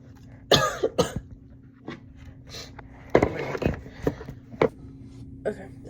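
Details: Cough from a person who says they are sick: several short, loose cough bursts with a throat clear in a small quiet room, faint steady hum behind.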